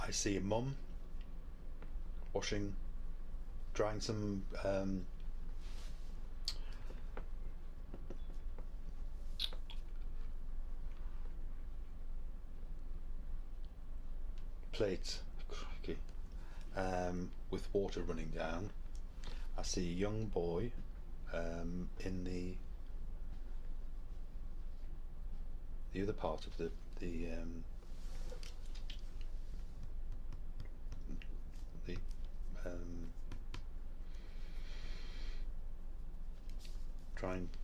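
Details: Recorded patient with logopenic variant PPA, temporoparietal junction atrophy mostly from Alzheimer's disease, memory and daily activities preserved, describing a picture; non-fluent with many pauses and word-finding difficulty. Finding: logopenic primary progressive aphasia.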